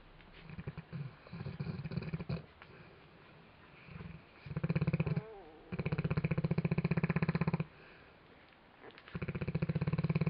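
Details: Dog snoring: loud, low, rattling snores in repeated bursts of about two seconds, with quieter gaps between them.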